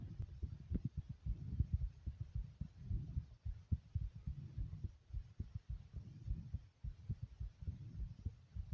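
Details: Own fast thumping heartbeat recorded together with loud stomach growls: quick, deep thumping heartbeat, roughly 110 a minute, with rumbling stomach gurgles mixed in; fast heartbeat with bowel sounds.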